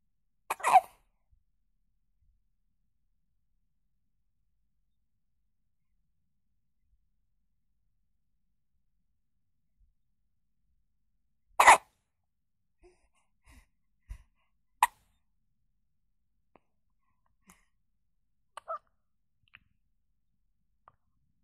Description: Découvrez ces bruits de bébé nouveau né qui à le hoquet.